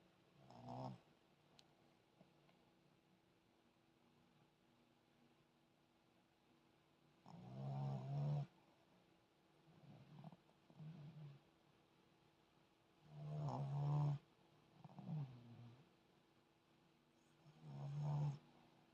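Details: A sleeping puppy snores with slow, low rumbling breaths in a quiet room: snoring.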